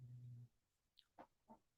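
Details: Pet dog asleep after an unusually long walk, heard in the background: one low, buzzing snore followed by a few soft breathing clicks, ordinary sleep snoring.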